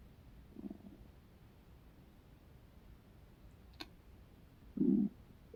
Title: Do you guys hear My Stomach growling